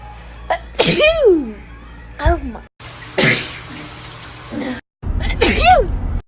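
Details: Person sneezing, from a compilation of a year of their sneezes, three times that day: three forceful voiced 'achoo' sneezes with rushing noisy bursts between, some room noise.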